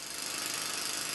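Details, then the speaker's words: Rising moderate hearing loss simulation in the Starkey HLS hearing loss simulator app applied to a lawnmower: steady drone sounding thin and hissy, the deep rumble largely stripped away. "immediately you can tell that's quite a difference"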